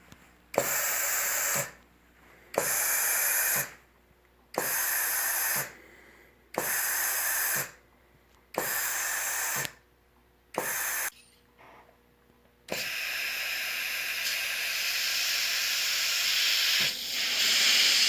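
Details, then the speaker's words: Ventilator prototype mask (revision 2) with a cycling valve and a 0–30 pressure gauge: rhythmic hissing bursts about 30 a minute, then a steady rush of air leaking around the facemask, mostly at the nose bridge; facemask air leak. "as you can probably hear from the video I get a lot of air leak around the facemask particularly around the nose the bridge of my nose basically"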